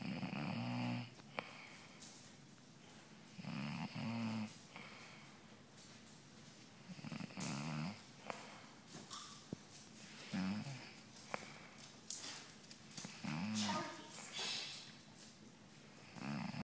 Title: Loudest snore ever